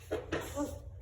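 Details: A cat coughs with three short, quiet hacking bursts in quick succession over about one second; the owner is concerned.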